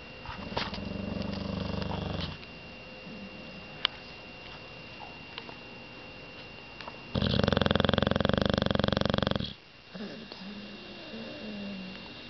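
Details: Sleeping dog snoring: two snores, the second long, loud and rattling, with quiet room noise between them.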